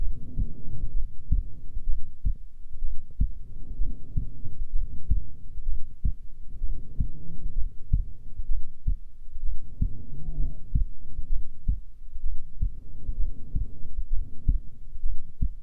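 Steady heartbeat near 64 a minute with swelling whooshes of breathing over it: a normal resting heartbeat.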